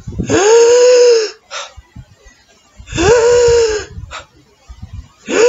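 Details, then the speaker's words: Vocal imitation of a bronchial breath sound as heard over the manubrium: loud, hollow, pipe-like, with a long inspiration and a distinct pause between in and out. "what is the highest breath sound that you can hear over the manubrium that's we're going to sound like a loud hollow pipe with a long inspiration"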